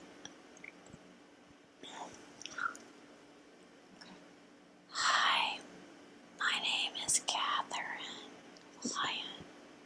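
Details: Whispering by a woman asked to whisper her name, in a demonstration of whispering as an effortful voice behavior.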